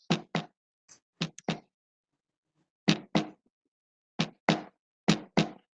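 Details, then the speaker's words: Spoken-class imitation of a normal heartbeat with knocks in close pairs, representing first and second heart sounds (S1 and S2); normal heart sounds imitation. "¿De acuerdo? Ese es un ritmo cardíaco normal."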